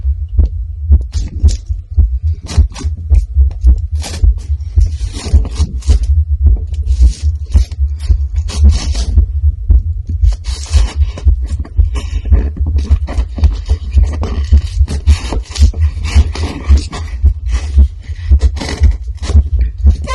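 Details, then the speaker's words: Adult woman's heartbeat, over 130 BPM, from excitement at the start of a reborn doll unboxing. She can feel it pounding in her chest. Fast, steady low thumps with rustling and handling noise; sinus tachycardia. "i am doing a very very special unboxing today i am extremely extremely excited i can feel my heart beating in my chest"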